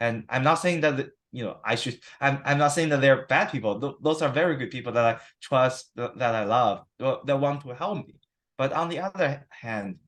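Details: Adult man with stuttering, 7-8 weeks into stuttering therapy that has not used physical strategies or fluency control; he reports sometimes having severe stuttering in conversation; stuttering.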